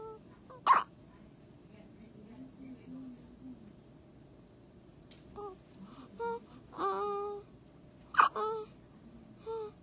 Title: The cutest baby hiccups in the world! Aww